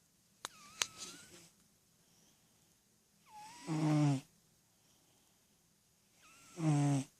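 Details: 10-year-old cat snoring while asleep with eyes open and dreaming: slow, soft snores with a rising whistly start and low buzzing finish, roughly every three seconds, about 20 a minute.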